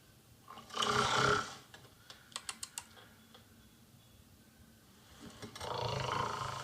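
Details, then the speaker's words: Film scene of a grandmother snoring "like a tractor" keeping a boy awake; two loud, rasping exaggerated snores several seconds apart with clicking noises between. "Je peux pas me concentrer sur mon sommeil, parce que maintenant ça fait comme un tracteur quand il va gueuler."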